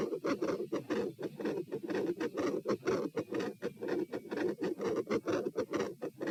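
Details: Stethoscope heart auscultation at position P during a stress test (standing, knee bends, deep breaths, sitting, lying; rates 126-138 then 96 bpm); loud, fast, regular beats near 125/min with scratchy texture, deep breaths not slowing rate; elevated heart rate.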